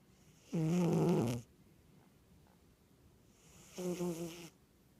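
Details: Sleeping in bed: two rattling, buzzing snores about three seconds apart with quiet breathing between; snoring.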